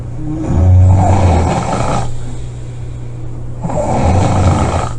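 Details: Two loud, deep, roaring snoring breaths about three seconds apart with a strong low hum; heavy snoring.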